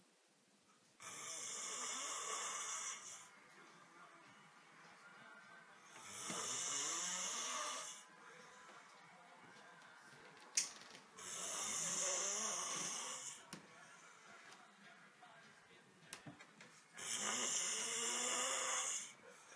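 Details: Snoring while exhausted: four long, rasping, hissy snores about 11 a minute, separated by quiet gaps; ordinary snoring.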